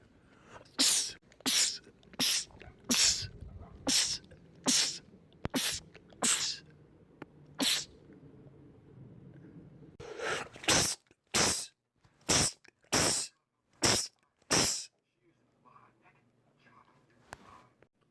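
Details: Male rapid sneezing attack from a sneezing compilation: about fifteen sharp, explosive sneezes in two rapid bursts; sneezing fit.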